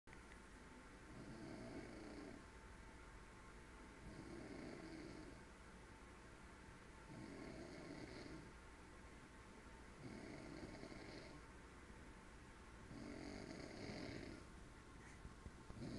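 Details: Man sleeping on a couch at home, snoring: rhythmic low rumbling snores repeating about every three seconds, roughly 20 breaths a minute, over steady background hum.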